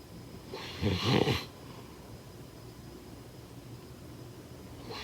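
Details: A single rough, rumbling snore on an in-breath, then quiet breathing, with another snore just starting at the end: snoring during sleep.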